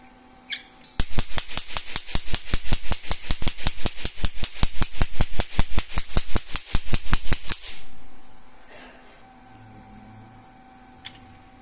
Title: Hot Selling Professional Pico Laser Tattoo Removal Machine (Portable)